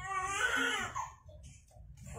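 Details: Newborn cry just after a normal spontaneous vaginal delivery in hospital, midwife-led, large baby: a strong, high crying wail fading into quieter sounds.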